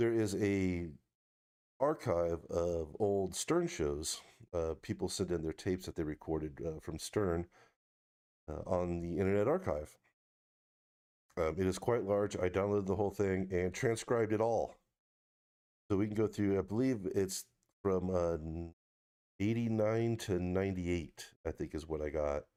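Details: Adult man speaking; no disorder.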